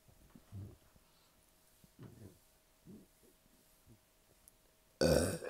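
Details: Several low, rumbling burps at irregular intervals, then a sudden loud noise burst, after a large fast-food meal and a liter of soda with a bloated stomach; repeated belching.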